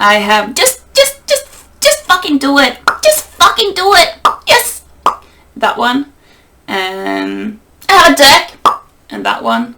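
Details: Vocal tics in a woman with Tourette syndrome: repeated words and phrases including swearing, shown while demonstrating her current tics, which she says change a lot.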